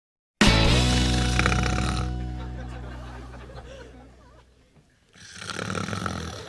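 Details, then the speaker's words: Loud, rattling snoring by a character in a television comedy scene, with music at the start; his partner complains he was snoring louder than ever. "What the hell? Oh, you were snoring again. Louder than ever."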